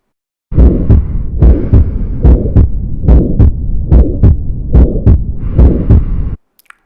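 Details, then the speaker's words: Aortic stenosis murmur: crescendo-decrescendo murmur starting just after S1, possibly with an ejection click from a calcified aortic valve, possibly radiating to the carotids; a longer murmur means more severe stenosis. "puis le souffle qui est d'abord cresendo c'estàdire qu'il augmente puis décrisson dos c'est-à-dire qui diminue plus la durée de ton souffle est importante plus la sténose sera grave"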